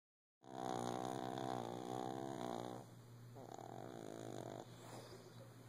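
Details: A shih tzu lying down early in the morning snores loudly: a loud, vibrating inward rumble, then a softer second rattling breath over a steady low background hum.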